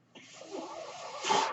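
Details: Adult man on a ventilator speaking in a podcast: a brief hissing rush of air that swells toward the end, a ventilator-delivered breath between his spoken phrases.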